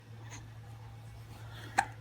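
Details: Baby with hiccups: a single sharp, brief hiccup against a steady low room hum.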